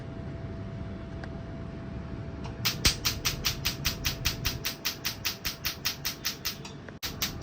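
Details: Rapid regular snapping clicks, about 150 a minute, over a steady hum as a tattoo removal laser fires repeated pulses on a dark tattoo at the fifth sitting (about 80% removed, mild pain reported): tattoo removal laser pulses.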